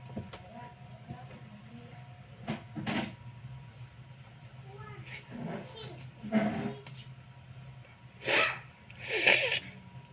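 Several sharp, loud bursts of expelled air with quieter breaths between; repeated loud sneezing.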